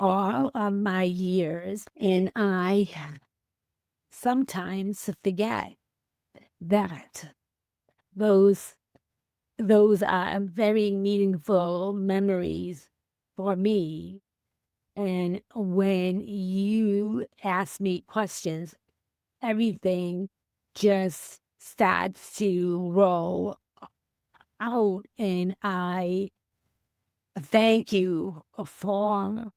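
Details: Female teacher with aphasia after a stroke on January 28, 2010, unable to speak for three months, 15 years post-stroke; hesitations, fillers and word-finding pauses.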